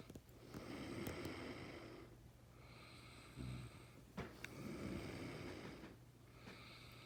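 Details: Father snoring.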